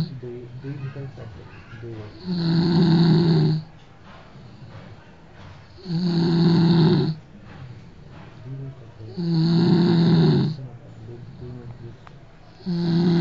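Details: Roommate snoring loudly in sleep: loud, low rattling snores on each in-breath, about every 3–4 seconds, with quieter breathing between; heavy snoring.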